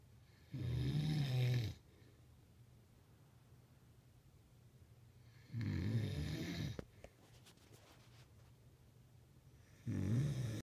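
Loud rattling snores on each breath in, three in about ten seconds, with quiet pauses between: heavy snoring during sleep.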